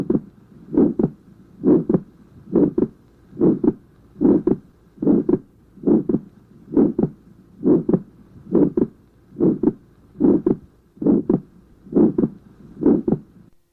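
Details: Atrial septal defect heart sounds: regular heartbeat about 70 per minute with clearly split paired sounds, wide fixed second-sound splitting and an ejection systolic murmur over the pulmonary area.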